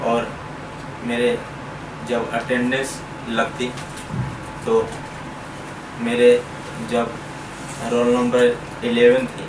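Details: Stuttering (stammering) in a man who has stammered since his school days.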